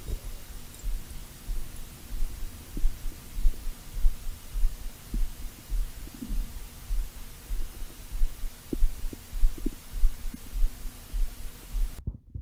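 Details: Over five minutes of stomach growling (borborygmi): continuous low rumbling and gurgling with a pulsing quality and occasional bubbly pops; normal bowel sounds.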